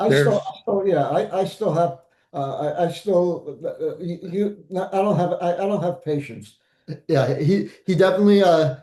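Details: Adult man, stroke survivor; aphasia.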